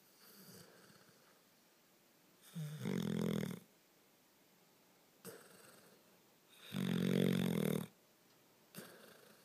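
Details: Slow, rumbling snores on each inspiration with soft expirations between, from a sleeping animal; snoring.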